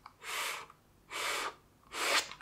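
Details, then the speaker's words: A pulmonologist acts out the wrong technique with a Seretide Diskus demonstrator device: three short, soft, shallow breaths in, too weak to carry the powder deep into the lungs; weak inhalation through a dry powder inhaler. "completely wrong that won't help at all the powder won't get in deeply within the lungs and that won't help you at all"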